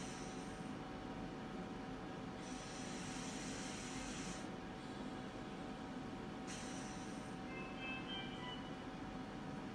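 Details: Biyovent mechanical ventilator running, with a steady machine hum and faint tone broken by periodic rushing hiss bursts.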